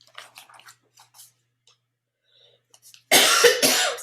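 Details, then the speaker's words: Child coughing hard in the background, which the parent attributes to allergies. "sorry that my kid i don't know if you can hear him coughing but he's like coughing lungs out now allergies anyway"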